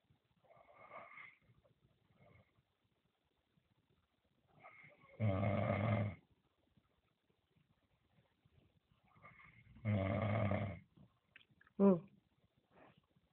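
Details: Loud, rattling snoring heard at about 20:42 after a full workday: snores on two breaths about four seconds apart, with softer breaths between, in a quiet room.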